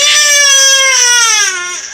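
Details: Infant crying: a loud, high-pitched, sustained wail with a clear tonal quality, falling in pitch toward the end.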